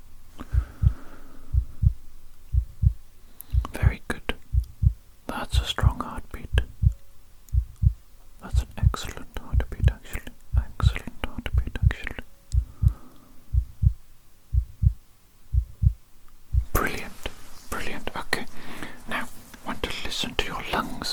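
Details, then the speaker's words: Simulated ASMR roleplay exam: stethoscope on the chest through cloth, steady strong heartbeat about 60 beats a minute with soft whispering and rustling: normal heart sounds. "okay now then going to listen to your heartbeat first of all let's do that shall"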